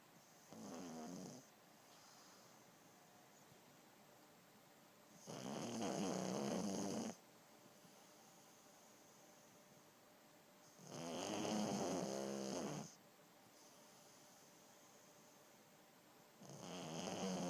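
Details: Loud rattling snores from a pug napping, about three snores spaced several seconds apart with quiet pauses between.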